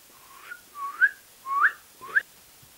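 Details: Whistling vocal tic: four brief rising whistles in quick succession, from a patient with a tic disorder described as similar to Tourette's and present for about the past year.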